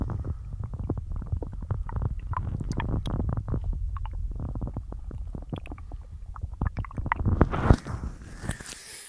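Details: Bloated stomach after a massive lunch of cheese-loaded pasta and a large chug of milk mid-diet: deep continuous low rumbling with rapid gurgles and squelches throughout; stomach growling.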